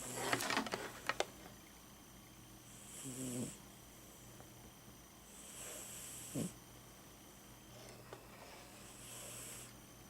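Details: 17-year-old Siamese cat snoring: soft, regular snores about every three seconds, each a faint whistling rasp, over steady room hum.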